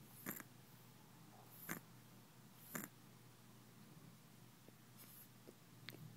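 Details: Still-congested sleeping subject giving brief, sharp nasal snorts roughly every second and a half over a low steady hum, with fainter snuffles after; nasal snorting described as snoring.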